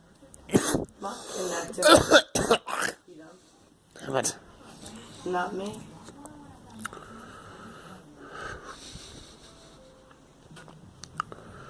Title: I am coughing